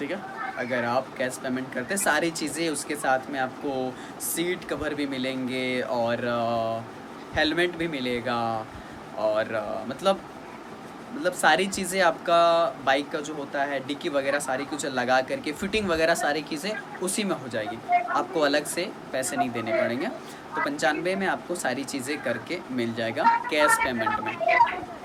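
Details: Adult male speaker; Normal conversational speech.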